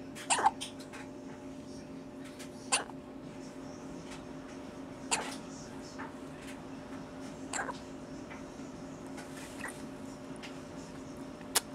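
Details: Baby with hiccups while trying to eat: sharp, brief hiccups about every two and a half seconds, five in twelve seconds, over a steady room hum.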